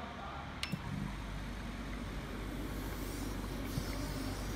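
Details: 5 L/min Kaneko Jay-5 oxygen concentrator running after being switched on, with a humidifier and a nasal cannula to the patient; flow adjustable from 1 to 5 L/min.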